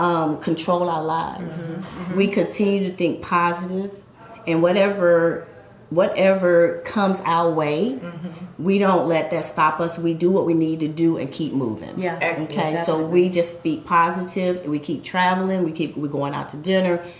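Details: Adult woman speaking; normal speech.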